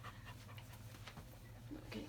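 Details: Older German Shepherd with rear-leg weakness and left buttock muscle atrophy, during a chiropractic adjustment: rapid, rhythmic open-mouth panting.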